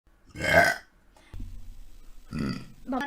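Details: Twitch streamer girl burp compilation: a loud, drawn-out voiced burp, then a low steady hum and a second rougher burp; ordinary belching.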